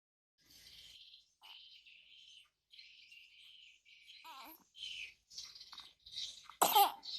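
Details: Young child who is sick with a cough: soft, high-pitched whimpers and small vocal sounds, ending in one loud, harsh cough.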